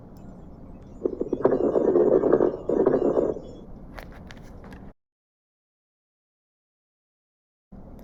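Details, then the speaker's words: Crackles: brief popping, crackling noises during breathing, heard through the stethoscope diaphragm. Educational lung auscultation example. "here is an abnormal sound of crackles"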